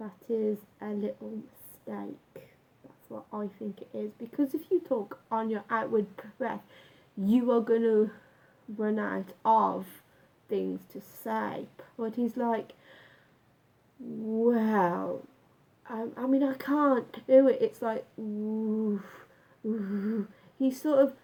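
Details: Adult male with lifelong stammer, onset about age nine after school bullying, much worse in youth, now self-described as slight; had breathing-focused speech therapy and still practises techniques; stuttering.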